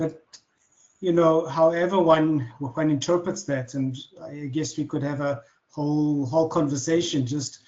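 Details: Adult man who has stuttered since childhood, speaking naturally in conversation; stuttering.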